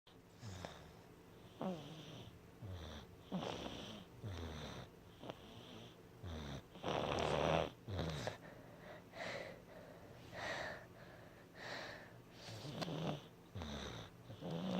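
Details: Snoring in a sick, congested sleeper with blocked nose: repeated soft, wheezy, snorting snores with a congested nasal rattle, interrupted by mouth breathing; a relatively quiet moment.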